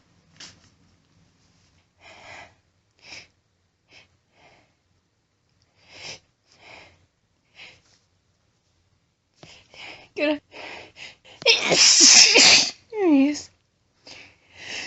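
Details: Woman announcing her sneezes: sharp sniffs and quick breaths build to one forceful, explosive, very powerful sneeze, followed by more sniffing.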